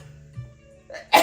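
Soft music plays, then a brief voiced intake and a sudden loud explosive burst at the end, a single adult sneeze.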